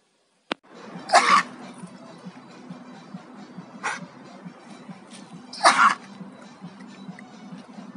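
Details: A male dog with kennel cough, caught during a three-day hotel boarding stay and treated with amoxicillin and Biseptol. Two short, harsh hacking bursts and a faint third over steady background sound.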